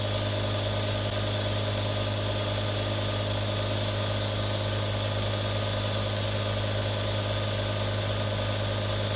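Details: Real recording of three different nebulizers for relaxation ASMR: a steady mechanical hum with constant buzzing whine and hiss, a nebulizer compressor running.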